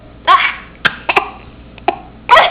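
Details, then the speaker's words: Young boy with hiccups at the dinner table, 22 Sept 2010: several short, abrupt throaty catches and voiced gulps over about two seconds. "hiccup. You're so funny with your hiccups."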